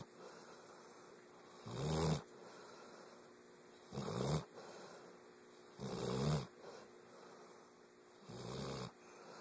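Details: Four loud, rough, low rattling snoring breaths about every two seconds from a sleeping dog: snoring.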